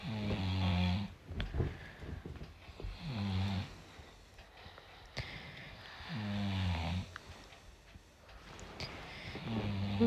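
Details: A sleeping husband snores loudly with a rattle on each inward breath, about every three seconds (roughly 20 a minute), with quiet pauses between. Snoring.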